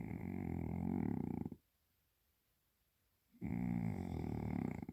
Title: DEEPEST and LOUDEST Cat Snore EVER 😹